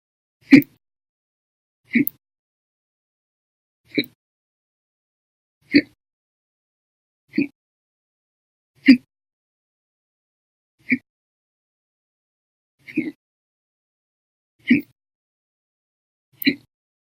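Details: Persistent hiccups on 9/2/19, lasting about 13 hours after breakfast, lunch and one cup of soda after dinner: ten abrupt, loud hiccups evenly spaced about every 1.8 seconds, roughly 35 a minute, in silence.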